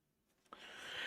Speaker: Oh my god, I got the hiccups. That sounded weird. I got the hiccups right now.